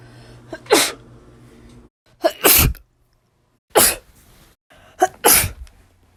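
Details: Person recording their own sneezes: four sneezes, each a sharp explosive burst after a quick catching inhale, with quiet gaps between; sneezing.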